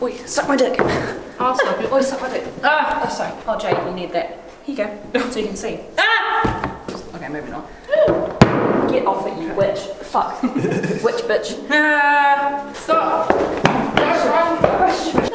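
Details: Person with Tourette syndrome in a public setting, with sudden swearing and interjections; Tourette syndrome vocal tics.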